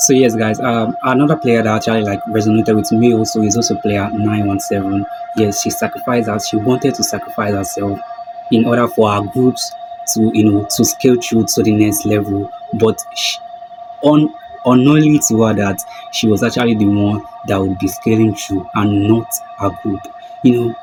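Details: Stuttering in an adult man who calls himself a stammerer.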